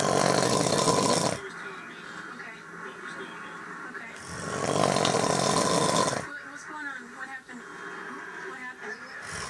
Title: My dad snoring after a long day of hunting